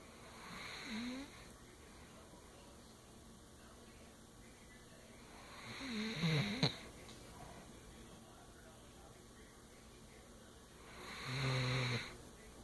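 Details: Slow, rhythmic, rattling snores about every five seconds, roughly 11 a minute, over steady room noise; ordinary snoring.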